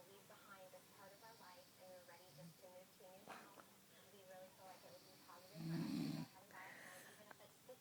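Rattling, rhythmic snoring sounds with a louder rough snort midway, against a quiet room. Snoring during sleep.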